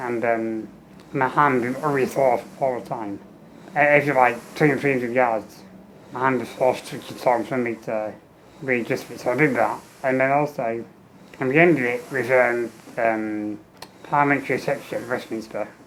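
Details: Adult man with muscular dystrophy and low lung capacity, tracheostomy for 15 years with fenestrated tube, ventilator pipes with speaking valve; air leaks around trachea; speech comes in spurts with each ventilator breath, breaks between; ventilator-paced speech with tracheostomy.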